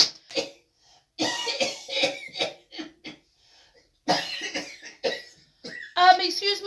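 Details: Acted adult coughs in a taxi skit, several short bursts mixed with brief voiced sounds in a small room.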